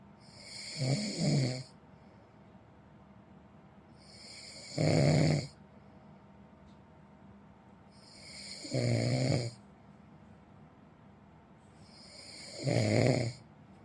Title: เสียงกรน snore sound